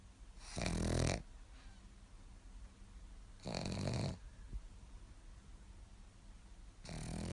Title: Gus the pug snoring 😂